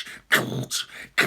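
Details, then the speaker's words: Adult voice imitating a hospital fetal heart monitor during labor, with pads on the mother's belly: rhythmic, harsh whooshing bursts like a Doppler heartbeat, likened to death metal. "they put these pads to listen to the baby's heartbeat and they turn up the volume and it sounds like the soundtrack of a death metal like a b-grade Swedish death metal band"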